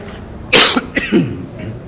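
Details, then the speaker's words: Adult man speaking at a religious gathering, ill with a cough that has changed his voice: two brief, harsh coughs, the second trailing into a throaty clearing sound. "Nanti kalau diwarnai sedikit batuk-batuk nyuwun pangapunten nembe nopo niki diberikan ee ujian. Nah, ini kan sakit itu bagian dari ujian sakit batuk begitu kan."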